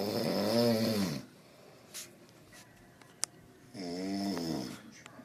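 Two deep, rumbling, tonal snore sounds separated by a few seconds of quiet, from a sleeping rhinoceros.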